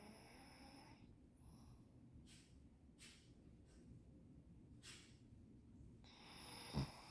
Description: Funny dog snoring in a deep sleep